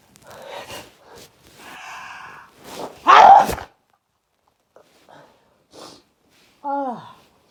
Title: Big sneezes